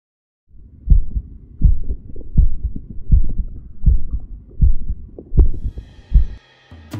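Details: Normal heart sounds of the recorder's own heart via a homemade electronic stethoscope (stethoscope head plus microphone, Audacity): regular paired low S1–S2 thumps at about 80 beats per minute.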